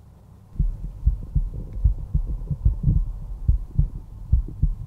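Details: Normal heart sounds at rest through a stethoscope over the mitral area (fifth intercostal space, midclavicular line): steady paired lub-dub at about 72 beats a minute.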